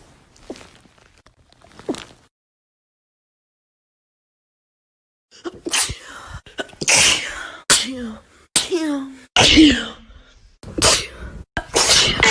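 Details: Compilation of TikTok clips: a series of sharp, explosive sneezes from several different people, some with a voiced inward catch before.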